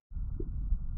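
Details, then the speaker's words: Normal bowel sounds heard through a stethoscope on the abdomen during a teaching demonstration of abdominal examination: low, soft rumbling with a brief gurgle. "we're going to place the stethoscope instrument here and listen for about 30 seconds or so to see if we can hear the bowel"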